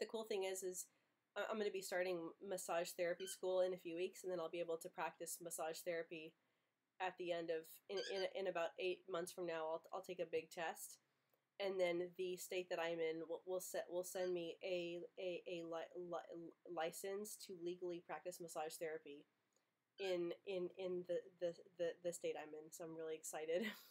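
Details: Stuttering in an adult who runs a stuttering channel, speaking with a cold; word repetitions such as "in in".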